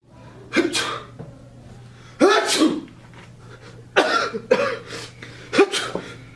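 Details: Four loud, voiced, acted sneezes, each a sharp explosive burst with a brief vocal sound, separated by quiet room noise, performed for a public service announcement film.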